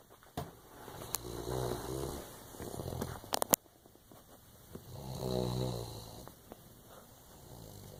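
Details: Low, rattling snores in two long bursts with a few sharp clicks from a sleeping dog: snoring.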